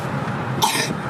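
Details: Girl with a cough that has not gone away, recorded in a moving car on the way to the doctor for auscultation. A single short cough over steady low road noise.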